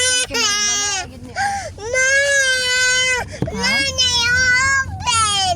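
Loud, sustained wailing cries from a baby, broken by brief gasping breaths; ordinary infant crying.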